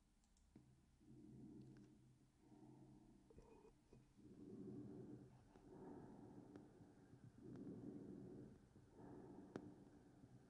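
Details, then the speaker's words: Normal bronchial (tracheal) breath sounds, recorded example heard over the trachea: loud, harsh, higher-pitched, tubular breathing with a clear pause between inspiration and expiration; the expiratory sound may be more appreciable than the inspiratory. "a bronchial tracheal sound so that's what you should what you should hear normally right over the trachea right it's gonna be this louder little bit higher pitched sound a little bit more tubular"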